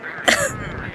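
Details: A single short, harsh cough burst trailing into a wheezy, breathy exhale, from a woman laughing so hard at a mispronunciation that she starts coughing.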